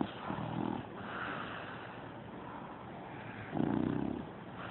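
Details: Snoring from two sleepers: soft snores on breathing in, with low snuffling breaths between them, over a steady background hiss.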